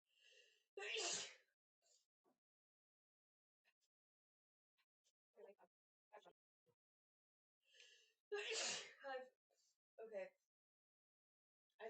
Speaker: I've slept and sneezing so much tonight. Like literally, what the [ __ ]